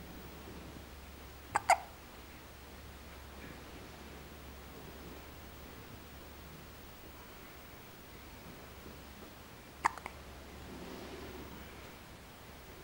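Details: Baby girl with hiccups: two quick double hiccup sounds over a steady background hum and room noise; infant hiccups.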